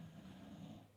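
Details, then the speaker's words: Low, steady rumbling snore from a sleeping dog, loud enough to interrupt a podcast, fading slightly toward the end in a quiet room; snoring. "okay breaking the action because daisy is killing me with the snoring you hear that it's just it's too much"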